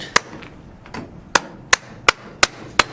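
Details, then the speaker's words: About six sharp, evenly spaced mallet blows, roughly two a second, driving a trial implant parallel into drilled slots in a sawbones (simulated) patellofemoral joint replacement. "Final step is to insert the trial implant. We have to make sure that the packs enter parallel to the slots that has been drilled. You don't want to flex the component or extend the component. So it has to be driven parallel."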